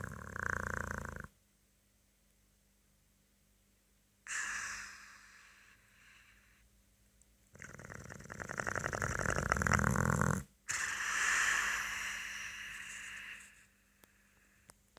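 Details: Boxer dog sleeping, with loud, rattling snores and snorts about 16 breaths per minute, separated by quiet pauses: snoring.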